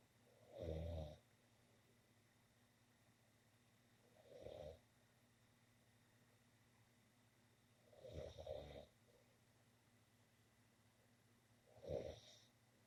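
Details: Person snoring in a bedroom: four loud, rough snores about four seconds apart (roughly 16 breaths a minute), with quiet room hum between them.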